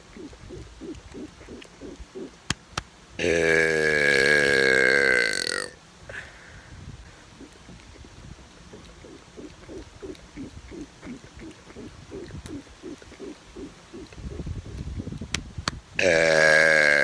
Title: Outside Burping